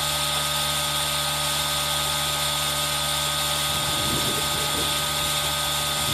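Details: Aerosol nebulizer running, recorded with rain sound for ASMR: continuous high-pitched whirring hiss mixed with steady rain; nebulizer running.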